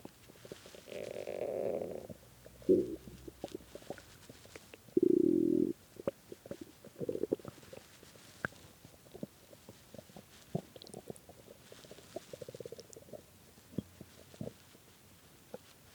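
Gurgling, rumbling bowel sounds in several loud bursts with softer clicks between; hunger stomach growling, a normal finding.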